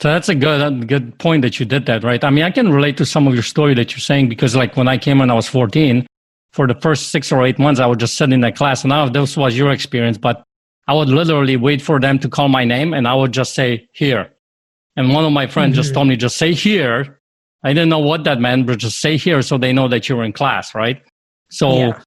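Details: Adult man; normal speech.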